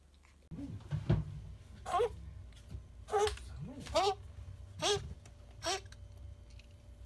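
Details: Female toy poodle puppy, 61 days old, diagnosed by a vet with a contagious bronchitis and improved quickly on medicine: about six short, harsh, slightly honking coughs in a row, typical of kennel cough (infectious tracheobronchitis).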